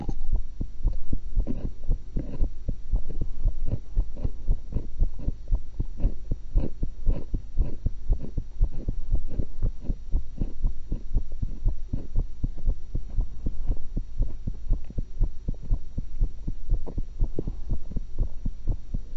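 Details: Own heart recorded through a stethoscope while eating an apple and a cucumber: regular heartbeat at about 118 beats a minute over a steady low hum; fast but normal heart sounds.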